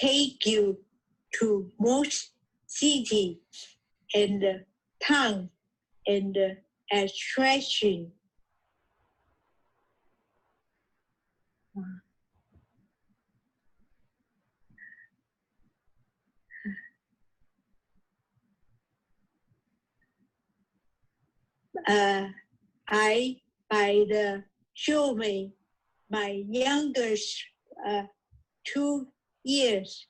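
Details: Aphasia after a stroke a few years earlier in an adult man, reading his own written podcast story during an intensive reading and writing aphasia therapy program.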